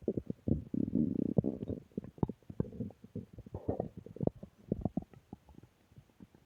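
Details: Stomach growling (borborygmi): bubbling, gurgling rumbles and irregular pops from the gut; ordinary bowel sounds.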